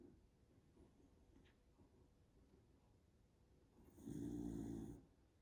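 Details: A dog snoring: quiet rustling breathing, then one loud, rough, rattling snore lasting about a second.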